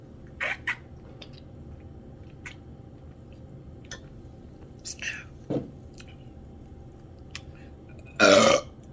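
Quiet gulps and small mouth sounds, then one loud belch near the end.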